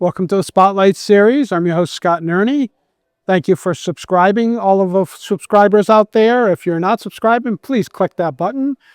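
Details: Adult speaker (host); typical speech.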